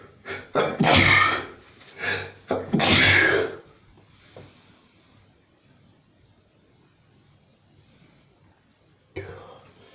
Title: Non stop sneezing for 4 minutes!